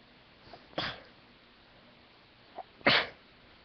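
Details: Two sharp, explosive sneezes, each preceded by a short catching breath, in a dust-induced sneezing fit while cleaning a room; ordinary sneezing.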